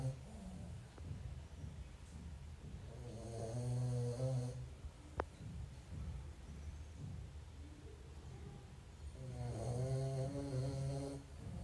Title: Dog snoring#funny#dogstyle#😴😝